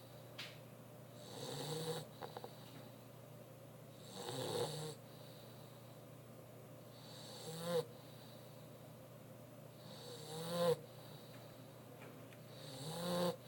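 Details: Mastiff dog sleeping in a quiet room: slow, regular snoring with a rough, vibrating noise on each breath, about every three seconds; snoring.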